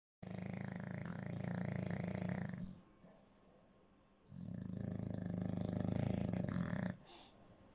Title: snoring doggo #shorts #bulldogs #englishbulldog #dog #snoring #snoringdog #snoringbulldog